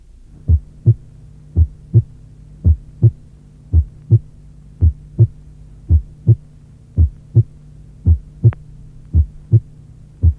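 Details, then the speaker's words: Simulated heart sounds at about 57 beats a minute with PR interval 0.18 s: softened first sound, with the second sound relatively prominent and possibly louder; audio from a 1981 cardiac auscultation teaching course. "À 0,18 seconde, le deuxième bruit peut être plus fort que le premier, car l’intensité de celui-ci diminue."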